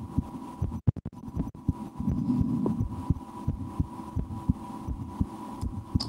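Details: The recorder's own heartbeat through a stethoscope while relaxing, with some breath-holding and efforts to speed it up, and the stomach digesting after lunch; soft regular thumps over steady hum and brief handling noise. Normal heart sounds.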